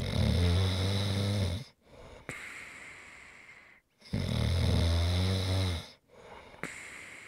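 Loud, rattling snores on each in-breath with quiet out-breaths, about 15 breaths a minute.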